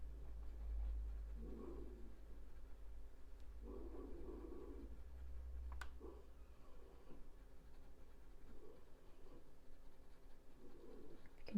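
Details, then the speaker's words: Sleeping dog, finally settled, snoring with funny breathing; snoring. "can hear some funny breathing. My dog's snoring. She's finally settled and she's now asleep, so."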